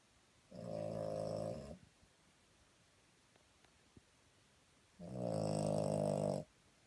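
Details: Two long, rumbling, buzzy snores separated by a quiet pause; the uploader jokes about whether their child or the dog is snoring, and the sound is heard as a sleeping dog; snoring.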